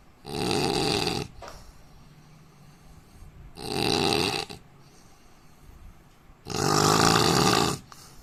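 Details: Adult Indian man snoring heavily: three loud, harsh, rattling snores about 3 seconds apart, roughly 20 breaths a minute, with quieter breathing between them.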